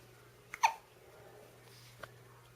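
A sharp, brief gulping hiccup against a quiet room hum, with a fainter click after it.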